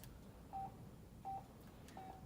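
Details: Three evenly spaced monitor beeps at about 84 a minute over room hiss: pulse oximeter tone from a pneumatically driven difficult-airway simulator manikin set to apnea, with adjustable saturation and heart rate.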